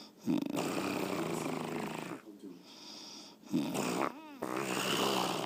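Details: Sleeping girlfriend snoring: long buzzing, fluttering snores on the in-breath with a squeaky whistling note on the out-breath; snoring.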